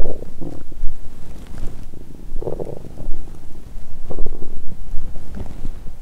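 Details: Loud, low, bubbling gurgles and rumbles in waves without pause from an adult lying on the side after a 22-hour fast, heavy Christmas dinner and too much wine, drunk and nauseous; active bowel sounds.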